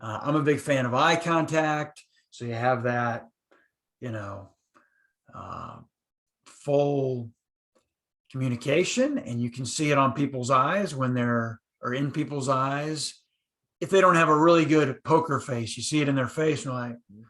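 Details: Adult male podcast speaker who stutters, who says he used silent blocks when younger; stuttering.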